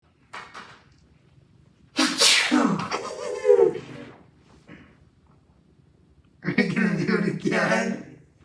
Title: Birthday Countdown #29: The Sneeze that Never Ends In G Major 19